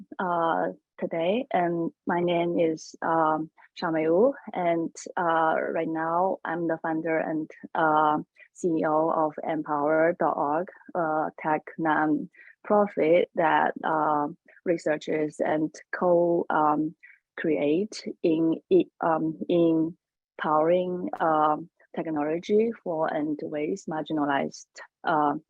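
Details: Adult woman who says she has a stutter, speaking on a panel; stuttering.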